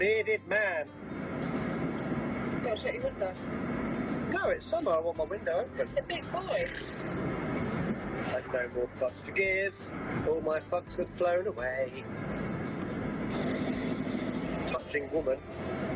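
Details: Tourette syndrome vocal tics in a driver with Tourette's and ADHD, with interjected tic words while speaking during driving.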